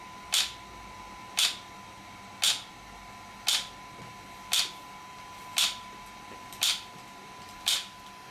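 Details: Shock wave (ESWT) therapy device for muscle and bone pain relief in use: sharp, evenly spaced clicking pulses, about one per second, over a faint steady tone.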